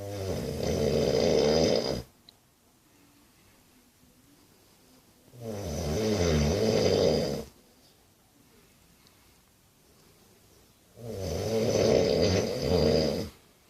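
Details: Loud, long, rattling snores on each breath, three in the clip with quiet gaps between them, roughly 11 a minute; heavy snoring.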